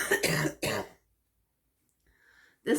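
Two short throaty coughs with throat clearing, then quiet: a brief dry cough.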